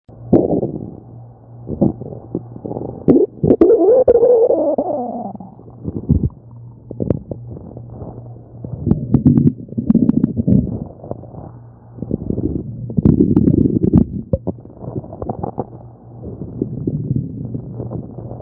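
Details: Irregular low gurgles and rumbling bursts heard during a tummy examination, typical of ordinary stomach growling (bowel sounds).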